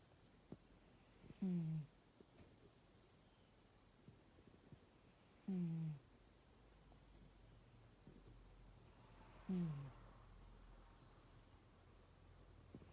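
Low, rumbling snores at regular intervals, about 15 a minute, with quiet breathing and faint room noise between them.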